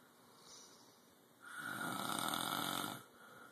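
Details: One drawn-out, noisy snoring breath lasting about a second and a half over faint room noise; loud snoring.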